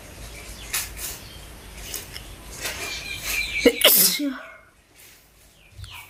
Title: Sneezing 🤧🤧 challenge and hocking sound spit#sneezing#spitchallange#hocking#subscribe to my channel😍